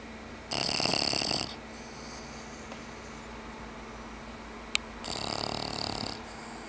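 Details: Pet napping after playtime: two loud rasping, buzzing snoring breaths about four seconds apart, with quiet breathing between them, ordinary snoring.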